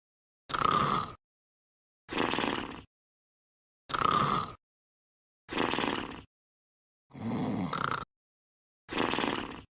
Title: Wan-chan is sleeping and snoring. 💤